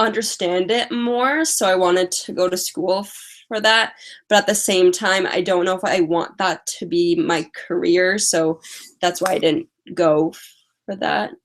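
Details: Woman with a stutter who uses strategies such as prolonging words and talking slowly, currently very tired; stuttering.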